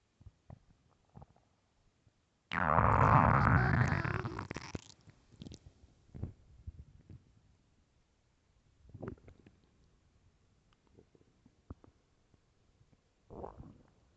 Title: morning stomach growls